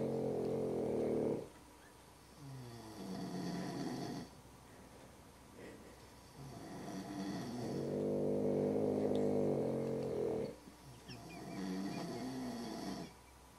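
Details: Man and his dog asleep together on a couch, both snoring: loud, rattling snores with long buzzing breaths in and out in a steady sleep rhythm.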